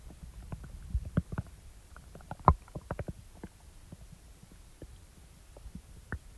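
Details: Irregular soft and loud belly gurgles and growls are ordinary stomach rumbling (borborygmi) after eating, recorded around chewing gum and a fruit snack.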